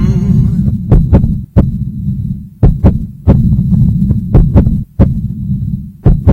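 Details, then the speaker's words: A child's heartbeat, used as the beat of a charity song: deep, booming low thumps in a paired rhythm over a steady hum. "What you hear isn't just any beat, it's the actual heartbeat of a child in need."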